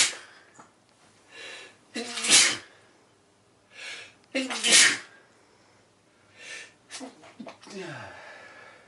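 Three sneezes in a row, each with a quick gasping intake and a sharp burst, in a small room.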